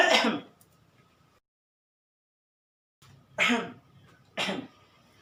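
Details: Simulated cough types imitated for entertainment: three short, dry imitated coughs separated by pauses, with faint room noise.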